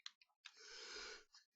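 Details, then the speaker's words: Aborted sneeze in a person narrating a game recording who had warned a sneeze was coming: a few clicks and breaths, then one long breathy hissing blast fading out, a failed, stifled sneeze. "Oh, je sais pas ce que c'était ce bruit, mais un éternuement assez raté."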